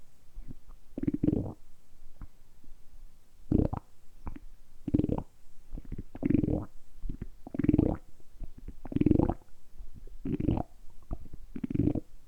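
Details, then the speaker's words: Deliberately produced stomach rumbling as ASMR: repeated low gurgling rumbles in bursts roughly every second or two; normal borborygmi. "今日は単純にお腹を鳴らすだけの動画をお届けしたいと思います。"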